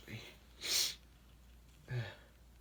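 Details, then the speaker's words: Male inducing sneezes (no allergies; inducing stops working), extra sensitive after a sharp weather drop: a sharp hissing sneeze between brief low vocal sounds, faint room noise; sneeze. "that's the frustrating thing about having no allergies is that inducing eventually just stops working sorry about that"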